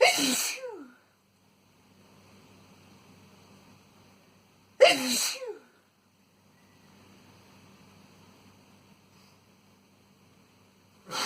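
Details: Adult man's tissue-induced sneezes: three loud, sharp sneezes about five seconds apart, each with a brief voiced trailing sound, in a quiet room.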